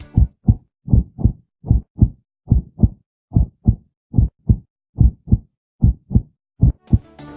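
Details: Accentuated heart sounds (hyperphonesis) on stethoscope auscultation, heard clearly even outside the usual auscultation foci.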